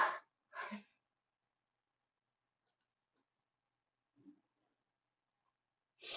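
Two sharp sneezes close together, a quiet pause with a faint breath, then another sneeze starting: the tail of a sneezing fit.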